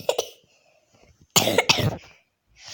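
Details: Woman, slightly ill, coughing while playing a game: two short cough bursts, then a louder cluster of three coughs in quick succession, with quiet room noise between.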